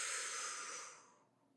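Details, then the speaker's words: A long, steady breath blown out through the lips, fading over about a second and a half, with a slight whistle near the end: forced slow exhalation in an asthma-relief breathing technique. "the end of the technique you could start to hear that whistle and that's kind of what you're going for because that's going to allow you to reduce the pressure and the speed to increase the duration to get more of an effect from the breathing technique"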